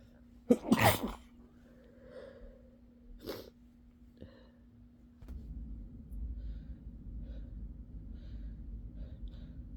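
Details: Sleepy person sneezing: one loud sneeze with a sharp intake before it, a softer second sneeze, then quiet breathing.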